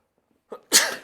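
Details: Single adult male sneeze heard during a podcast recording: a brief sharp intake, then an explosive, hissing burst of air.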